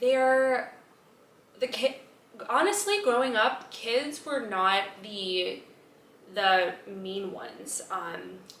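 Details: Adult woman, age 32, stuttering since childhood, persisting despite speech therapy including an intensive 12-day program attended three times; stuttering.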